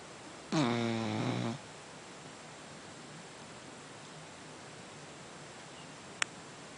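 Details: A single, roughly one-second buzzing snore with a dropping pitch, quiet and needing the volume turned up, followed by quiet room noise and a brief click near the end.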